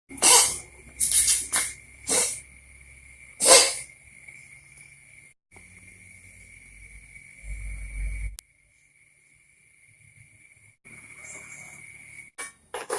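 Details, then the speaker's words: Run of about five short, sharp, harsh coughing bursts from a coughing cat, followed by quieter noise and a steady high background tone. "Tadi nerapi kucing kenapa? Kucingnya batuk-batuk dan"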